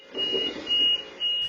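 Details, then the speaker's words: Hidden-camera recording in a nursing home: a ventilator disconnection alarm of repeated high-pitched beeps starts after a nursing assistant moves the air tube, and the resident stays off the ventilator for minutes while it blares. "a certified nursing assistant is seen moving the air tube she appears to adjust it and the alarm goes off with the alarm blaring the CNA goes to the back of the bed appears to push a button"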